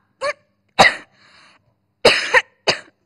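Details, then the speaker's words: Acted TV health skit on pneumonia: an adult woman gives about four short, dry coughs in separate bursts while complaining of her husband's cigarette smoke filling the house. Plain cough. "Không cái tôi hút thuốc, mà bà ho là sao?"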